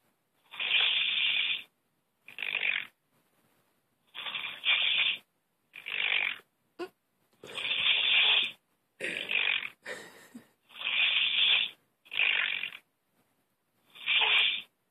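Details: Snoring heard over a phone call: repeated harsh, hissing breath bursts with silent gaps, thin and tinny, about 19 breaths a minute.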